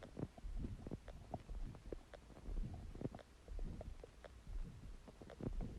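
Continuous low gurgling and bubbling rumbles with scattered squeaky pops: ordinary stomach growling, a normal bowel sound.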